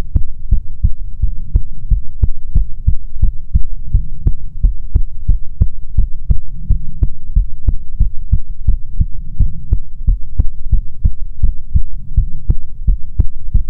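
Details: Steady, regular lub-dub beats over a low, soft hum, in an ASMR heartbeat recording meant to be soothing; normal heartbeat.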